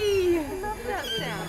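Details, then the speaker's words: Newborn puppy after birth: thin, high, falling whines and squeaks; a vigorous cry showing the puppy is alive, breathing and going to be okay. "oh that sound is so incredible a newborn puppy's cry is so precious we never get tired of it and importantly it tells us these puppies are going to be okay and that's a huge relief"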